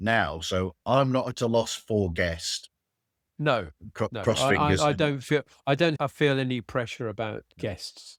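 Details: Adult male speakers in conversation; conversational speech.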